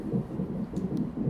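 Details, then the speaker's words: Fetal heartbeat on hospital labor monitor during induced labor (Cervidil, Foley balloon, Pitocin planned), third baby: rapid muffled whooshing pulses over a low rumble while mother has painful contractions. "These that you can hear the heartbeat in the background, but the contractions, they don't feel very good, I gotta say."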